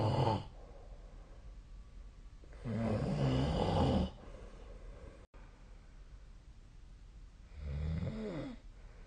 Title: 👃 本日のイビキ / Snoring Sleep Sound 2024/12/20